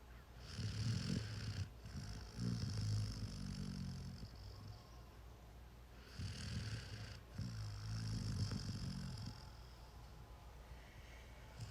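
Low, fluttering snores with soft hissing breaths, about two breath cycles in twelve seconds. A sleeping puppy's snoring.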